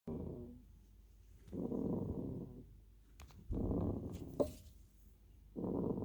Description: ball-o-possum snoring behind the dryer